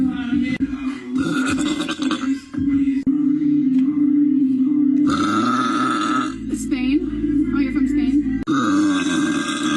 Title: Girl’s big burps